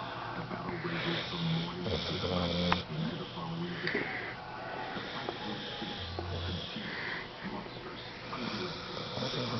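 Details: A sleeping pit bull dog snoring: low, rumbling snorts and wheezy breathing in a small room, with faint talk in the background.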